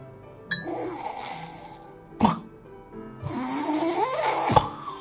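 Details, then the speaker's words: Sleep sound recorded with a smartphone snoring app; noisy, effortful breathing with rough snoring-like sounds over background music, from a person who has a hard time breathing in sleep: laboured breathing during sleep. "There are people who have a hard time breathing"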